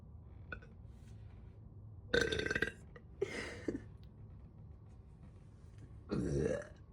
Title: Caught my own burp on camera ;)) #gassy #loudburp #bloated #burping #tummy #soda #bellyfat #bloating